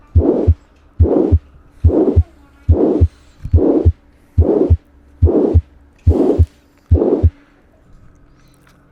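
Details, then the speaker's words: Acute mitral regurgitation systolic murmur, best heard at the mitral area: grade 4–6/6 with a thrill, medium duration, high pitch, musical quality, wedge-shaped, sometimes with a third heart sound. Regular heartbeat near 71 a minute. "vamos a escuchar mejor en el área mitral intensidad 4 sobre 6 6 sobre 6 está acompañado de un premi pto la duración es mediana el tono alto y aquí un punto importante la calidad es musical algunas veces viene acompañada de un tercer ruido cardíaco la configuración es en forma de cuña y se escucha de la siguiente forma"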